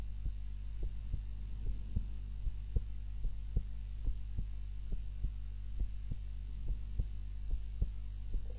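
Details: Normal heart sounds during an afternoon nap, self-recorded on a timer while lying on the back (usually prone): soft regular thumps at about 70 a minute over a low steady hum.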